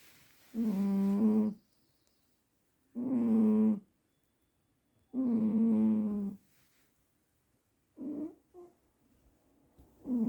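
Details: A cat sleeping deeply snores loudly: three drawn-out rumbling snores, each about a second long, with quieter breaths between them.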